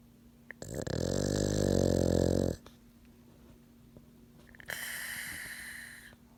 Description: Our french bulldog/pug Pawz sleeping and snoring with eyes open.